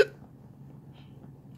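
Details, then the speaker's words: Person with hiccups after eating a lemon drop pepper, which burns the throat; they attribute the hiccups to capsaicin: a single sharp, abrupt hiccup, then quiet room noise. "Yeah, that's what happens when the oil goes through your throat. Oh, that was a smoke alarm for a second. But I searched up what causes the hiccups. It's when the capsaicin irritates the part that makes you hiccup."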